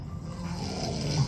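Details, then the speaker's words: Background snoring from an exhausted adult husband asleep, heard while his wife stays awake after carpal and cubital tunnel surgery. "i'm trying to stay up as you can hear the amazing background noise of snores from my husband who was extremely tired because he stayed up"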